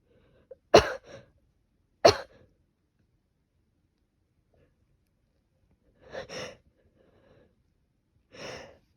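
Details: Two sharp, explosive bursts, likely sneezes, followed by two softer coughs in a quiet room, from a person with a cold attributed to temperature swings; sneezing and coughing.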